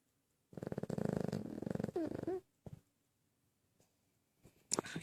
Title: Milo snoring